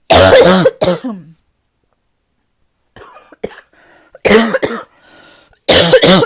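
Harsh, deep, voiced coughs in short clusters, about seven in all, with a quiet pause between groups; a barking cough.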